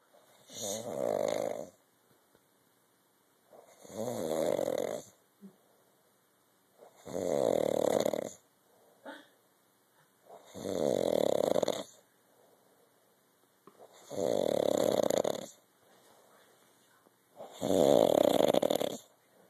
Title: MY DAD SNORING.